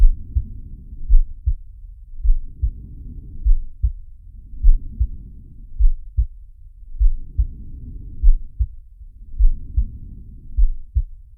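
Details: Simulated heartbeat and breathing of Sharky, an animated cartoon shark from Zig & Sharko: low heartbeat thumps with slow rushing breaths about twelve a minute, each rising and falling over the beats.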